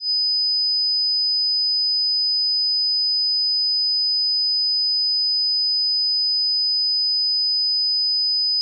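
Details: Tinnitus pitch-matching test tone at 5000 Hz, meant for headphones at low volume: a steady, high-pitched pure tone.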